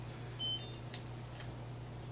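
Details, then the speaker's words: Blood glucose meter in an EMT skills demonstration: brief electronic beep as the test strip takes the blood sample after a finger poke, over low room hum; reading takes five seconds, result 122. "Draw a little blood and then you just put the end of the test strip here until you hear that beep. It's going to take five seconds to read."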